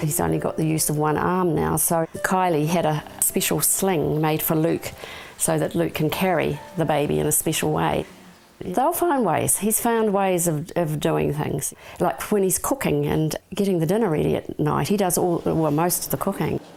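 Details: Adult speaker; typical speech.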